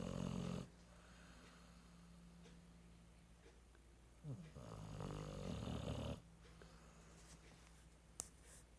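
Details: Pit bull napping on the couch, snoring: low rattling snores on the in-breath with quieter breaths between, over a faint room hum.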